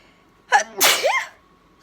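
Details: Person sneezing in bed: a quick, sharp intake followed by one loud, explosive burst, in a quiet room; sneezing.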